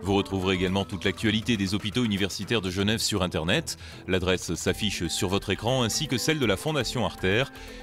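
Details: Adult male narrator; ordinary speech.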